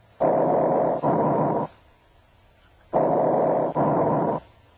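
Loud, harsh, hollow breath sounds with a clear pause between inspiration and expiration, typical bronchial breathing.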